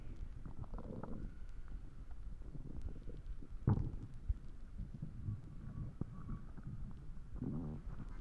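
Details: Borborygmi (stomach growling).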